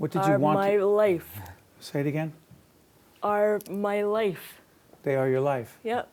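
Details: Adult voices in conversation; speech.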